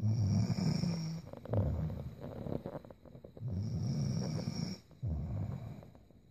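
Two loud, low, rattling snores with quieter breathing between them, typical snoring of a sleeping adult.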